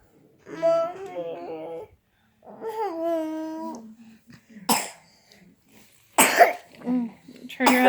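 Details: A young girl vocalizes, then gives three short, sharp coughs in a small room.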